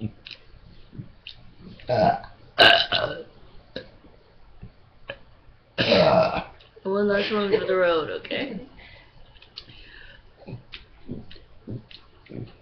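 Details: Burp contest: loud drawn-out burps, one long and voiced, among brief background voices and noise; voluntary belching.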